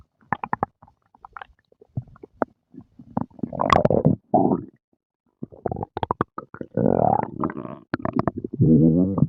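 Bursts of gurgles, squeaks and bubbling growls separated by quiet gaps; active bowel sounds after eating, a normal finding.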